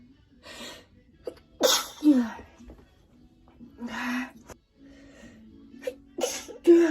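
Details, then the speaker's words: Several sharp, explosive sneezes with quick in-breaths between, from a person who sneezes repeatedly and says even looking at the sun makes them sneeze; ordinary sneezing. "IF I EVEN JUST LIKE LOOK AT THE SUN, I'll sneeze. I need to sneeze. Why am I always sneezing in videos?"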